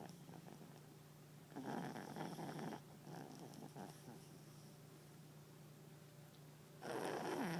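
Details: Chubby papillon dog asleep on owner's lap snoring: loud, rough snoring noises on breaths with quieter breaths between.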